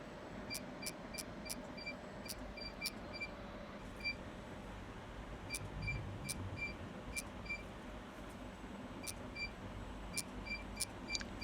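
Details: Real patient having fractional CO2 laser treatment of acne scars, first pass targeting each scar's base: sharp, high clicks with short beeps firing in irregular bursts over steady room hum.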